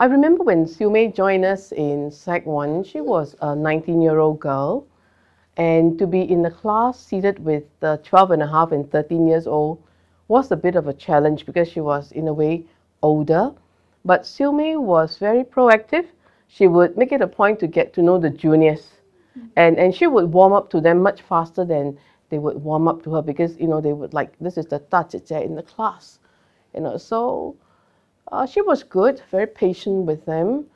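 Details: Adult woman speaking; typical speech.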